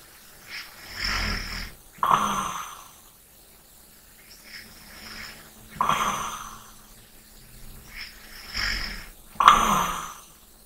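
Slow rattling snores on the breath in, with quieter breaths out, at about 8 breaths a minute in a quiet room.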